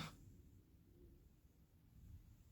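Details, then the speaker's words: Adult on a strict keto diet, first week, notes own loud stomach growling from hunger: a low, rumbling gurgle, ordinary hunger-related borborygmi. "you hear that that was my stomach growling it was so loud I need to eat"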